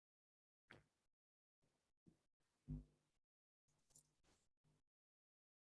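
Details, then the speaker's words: Teaching auscultation: brief high-pitched fine crackling on inspiration like Velcro pulled apart or crumpled plastic, typical of pulmonary edema: fine crackles. "Jadi terdengar as seperti adanya vakoou ya Aku jugaa terdengar ah seperti ah pesek yang diremas-remas yah jadi ya suara nafas ronki basah halus itu atau ventricles"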